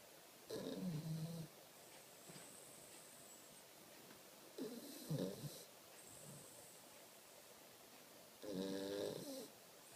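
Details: Snoring in a sleeping dog: three rough, fluttering snores about every four seconds, near 15 breaths a minute, in a quiet room.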